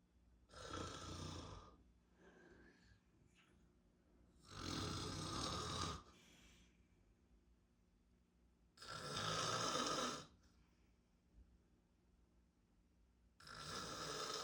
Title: FILMING MY DAD SNORING UP CLOSE (SO CRAZY)!